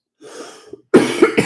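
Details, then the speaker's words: A soft breath, then a burst of two or three harsh, throaty coughs from an adult recovering from a bad viral cold, during a live talk; cough. "I'm recovering from a a pretty bad uh virus cold thing so excuse my voice and occasional coughs"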